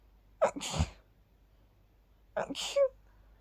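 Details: Two sneezes, each a sharp intake then explosive burst, while sleepy after sleeping with the window open, attributed to pollen; sneezing.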